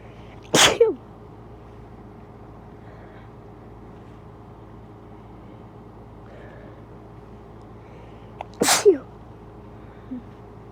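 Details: Strong, wet sneezes that sprayed over shirt and hand: two forceful, wet-sounding explosive bursts about eight seconds apart over quiet room noise; sneezing.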